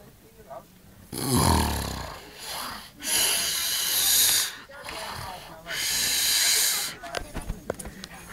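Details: Person snoring: harsh, hissing, rattling breaths about every two to three seconds, with a few clicks at the end; loud, irregular snoring.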